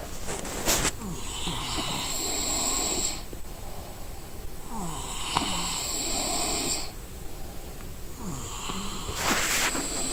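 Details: Person sleeping from exhaustion: rough rattling snores with each breath, roughly three cycles in ten seconds, over steady background noise; ordinary snoring.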